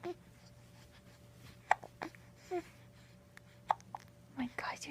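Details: Brief, sharp voiced catches recurring a few times over soft adult talk, from a baby boy; hiccups.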